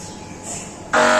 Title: MRI sounds inside scan room (Brain Sounds)